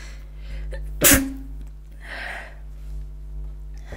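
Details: Person trying to stifle sneezes, some escaping: a single sharp, explosive sneeze over low room hum, followed by a soft breathy exhale.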